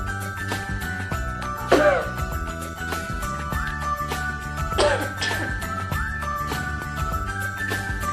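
Two brief acted coughs from an adult, heard over steady background music; a demonstration of coughing rather than a true illness cough.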